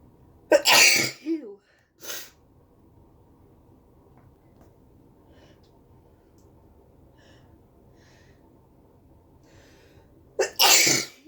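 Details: Sneezing from a cold with a stuffy nose: two loud, explosive sneezes separated by a quiet pause, with a brief voiced catch after the first.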